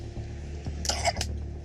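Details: Cough from a child with reactive airway disease, shown as a paediatric example of a sick child's breathing; cough with reactive airway disease.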